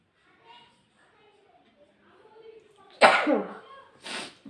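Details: Soft breathy build-up, then a sudden forceful sneeze burst and a second shorter one.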